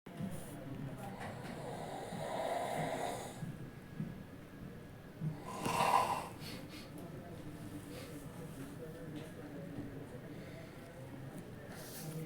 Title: competition of snoring at office